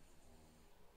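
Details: Dog softly snoring in the background of a quiet room: soft, low rumbling breaths, a gentle snore.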